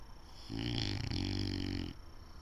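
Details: A loud, low, rattling snore lasting over a second, with a brief break midway, from a sleeping English Bulldog in a quiet room; snoring.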